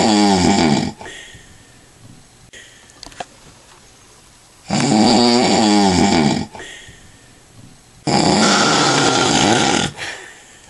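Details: Adult man (a father) after drinking lots of alcohol: three loud, rasping, fluttering snores, each one to two seconds long, with quiet pauses between; heavy snoring.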